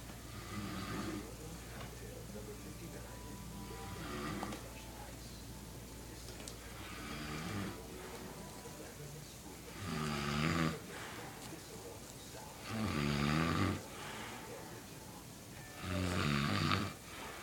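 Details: Snoring while passed out in a living room: rattling snores about every three seconds, roughly 20 a minute, over a low hum with faint background sounds.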